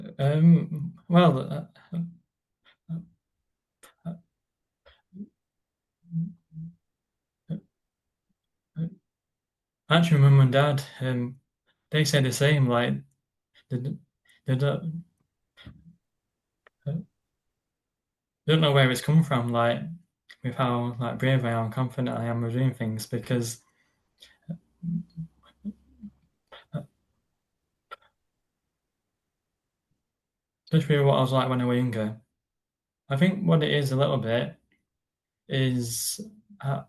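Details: Stuttering with silent blocks in an adult man who describes his stammer as a neurological condition that blocks words from getting out, on any word rather than particular ones.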